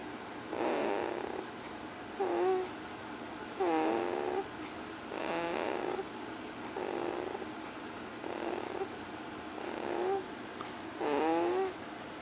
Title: snoring again